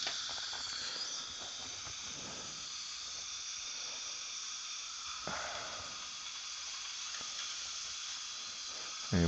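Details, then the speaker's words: Dental drill with water spray, under a dental microscope, drilling a pilot hole into a broken, cold-welded abutment screw in an external-hex implant (type 4 rescue); steady high-pitched whine, drill getting dull but cutting well. "this one's a little dull now so we'll change that one out we might go through about four or five of these drills well that's nothing compared to what we have to replace this one it's cutting good"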